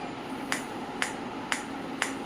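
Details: Biotronix PEMT loop pulsed electromagnetic field therapy machine, intensity stepped up through levels 2 to 5 at 2 Hz: evenly spaced sharp clicks about twice a second over a faint hum; PEMF pulse sound.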